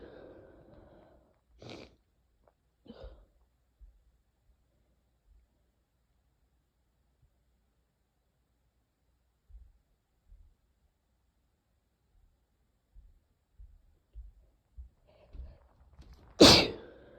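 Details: Quiet sniffs and breaths, then one loud explosive sneeze, during a short sneezing fit with sniffles and light coughing from a cold caught from a sibling.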